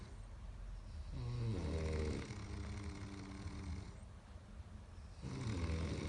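Rough, fluttering low snores on each breath, two clear cycles at a slow sleeping rhythm; snoring.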